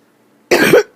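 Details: Adult with a harsh coughing fit who says they need their inhaler: a single harsh, rough cough after a quiet start, part of a continuing fit.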